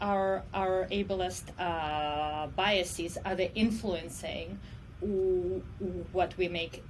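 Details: Adult woman who self-reports stuttering as her disability; speech in this clip has repeated words; stuttering.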